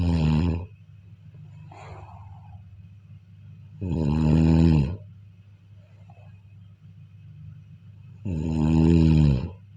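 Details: Sleep snoring: loud, droning, tonal snores about every four seconds, roughly 14 a minute, with soft breathing between.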